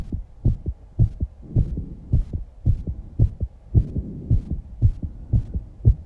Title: Fast 19 year old girl Heartbeat and Heavy Breathing After Exercises and some breathing holding.